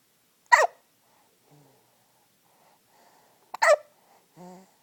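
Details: Hiccups during sleep with noisy nasal congestion ("noisy boogers"): two sharp, abrupt hiccups about three seconds apart, with faint soft noises between, in a quiet room.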